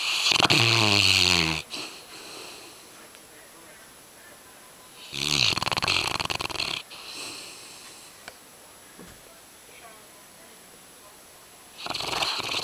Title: Loud Dog Snoring (Yellow Lab-Brady)